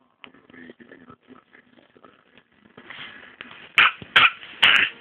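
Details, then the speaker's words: Dog with a bad cough (owner says a very bad cold): quiet snuffling, then rising raspy breathing and three harsh, explosive coughs in quick succession, a coughing fit. "oh he got a bad cough you have a cough you okay oh no him has a very bad cold"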